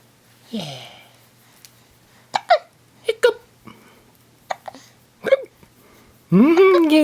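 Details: 6-week-old baby with ordinary infant hiccups: repeated short, abrupt gulping sounds, about eight in seven seconds, ending in a brief cry.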